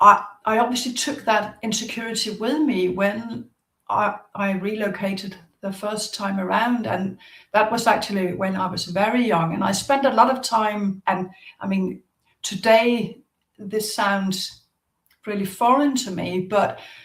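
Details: Adult woman with a stutter, present since at least a young age. Stuttering.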